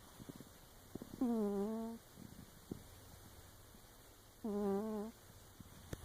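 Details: Sleeping munchkin cat: two soft, tonal, whistling snores about three seconds apart over quiet room noise; light snoring.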